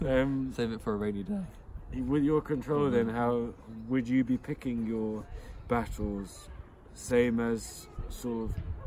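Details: Adult who stutters (self-described stammerer) speaking on a podcast about stuttering and speech techniques; stuttering.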